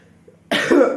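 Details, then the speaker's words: A single abrupt, harsh cough from an adult woman with a cold after a quiet lead-in; she is losing her voice, coughing heavily, and has sore ribs from coughing. "suis en train de perdre ma voix un petit peu je tousse comme une pourrie donc j'ai mal aux côtes de ouf"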